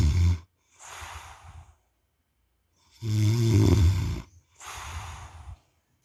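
Deep, rumbling snores on inward breaths, each followed by a softer airy outward breath, about two cycles in six seconds.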